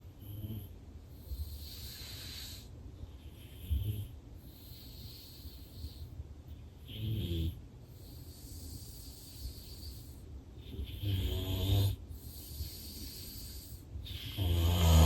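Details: Heavy, irregular snoring with noisy breaths and apnea pauses, recorded during a real, unplanned daytime nap by an adult with obstructive sleep apnea and excessive daytime sleepiness.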